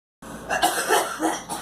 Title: Girl coughing